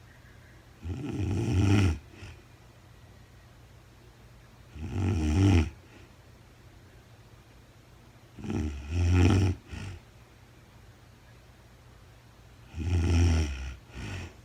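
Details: Real-time recording of a woman sleeping, very tired, no talking: deep, rattling snores about 16 times a minute in a quiet room, with soft breath sounds between; ordinary sleep snoring.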